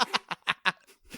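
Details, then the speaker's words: A pet cat has a coughing fit: a rapid run of about five harsh, hacking coughs, likened to an old man hawking up a lung. "That's just the sound of my cat. Coughing fit. >> We'll find out. It sounds like an old man hawking up a lung."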